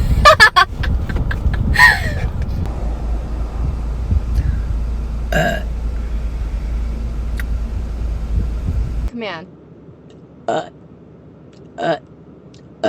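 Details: Female streamer's burp compilation: several loud, deep, drawn-out voluntary belches in quick succession, quieter ones later; burping.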